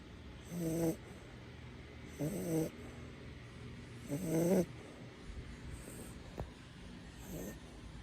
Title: Shih Tzu snoring